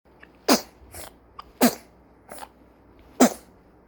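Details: Newborn sneezing: three sharp, high-pitched sneezes with softer breaths between them.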